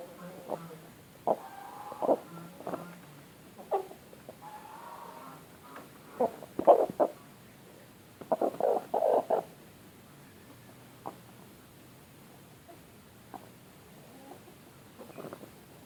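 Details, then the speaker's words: A pet chicken with severe snoring-like respiratory rales (ngorok); the owner hopes it is not contagious to other birds. Snot-type nasal discharge is seen in another bird. Causes may include a cold, CRD, AI or cholera. "Di sini ada satu lagi ayam saya yang ngorok, yaitu yang ini. Kedengaran ya suaranya? Ya, itu ngorok parah ini. Semoga nggak menular ke teman-temannya."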